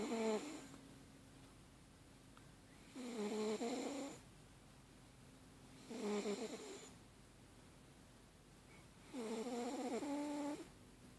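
Rhythmic, tonal snoring sounds on each breath, roughly one breath every three seconds in a quiet room; snoring.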